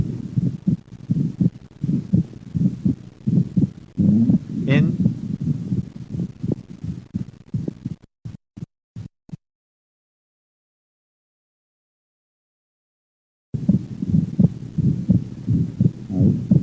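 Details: Fixed split second heart sound with atrial septal defect: regular heartbeat at about 85 a minute, split second sound and a soft murmur, with breathing in and out.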